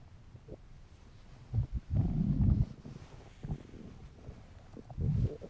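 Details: Low rumbling and gurgling bursts over faint background noise; ordinary hunger-related stomach growling (borborygmi).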